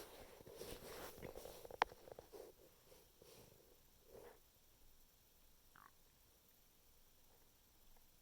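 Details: Stomach noises at night: soft gurgles and brief squeaks from the belly, busier at first then settling, in a quiet room; bowel sounds (borborygmi).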